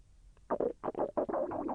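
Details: Bowel sounds (borborygmi) during digestion: short bursts of bubbling, gurgling sounds from the abdomen. The person felt the intestine move and said it was a little painful.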